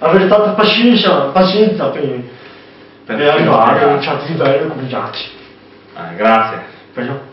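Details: Young man with hearing loss (deafness) speaking; deaf speech.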